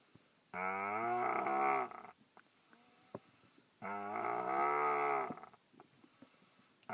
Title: Snoring boy sounds like cow